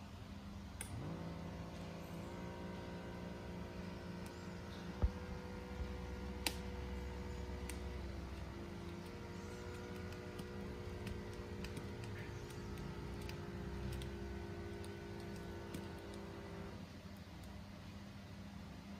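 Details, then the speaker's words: Sinocare AES-U111 automatic digital blood pressure monitor tested on an adult's arm: steady motor whine as the cuff pumps up, then eases off while measuring, over low room hum; reading reported normal. "langsung nyala kayak gini guys dia langsung ke pompa belum dipasang padahal kita coba ya di tangan kita"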